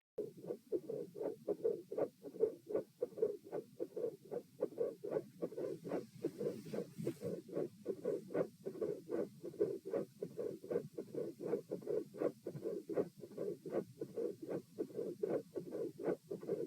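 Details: Steady heart sounds near 77 beats a minute recorded at position P with the patient supine, with a quiet, soft murmur between the first and second sounds: soft mid-systolic murmur.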